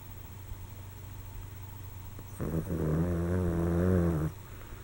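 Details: Pet snoring while napping after playing: a single low, rumbling, buzzy snore lasting about two seconds against quiet room noise.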